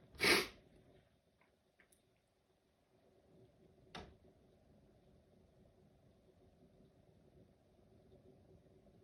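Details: Mini sneezing fit; sneezing.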